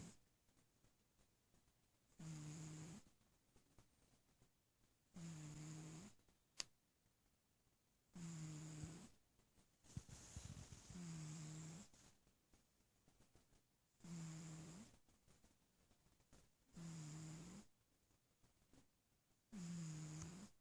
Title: Snoring Little Kitty Cat